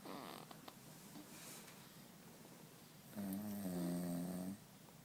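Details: Sleeping baby, recorded September 2012: a soft breath sound, then one drawn-out, humming snore lasting over a second; snoring.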